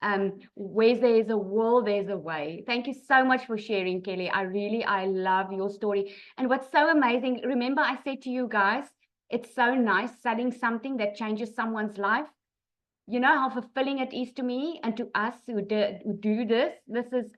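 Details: Adult woman speaking; ordinary speech.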